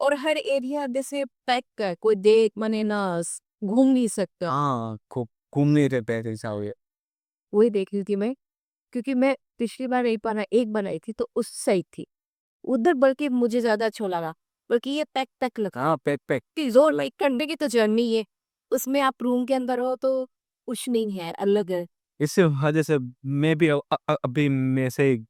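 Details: Adult woman in conversation; normal speech.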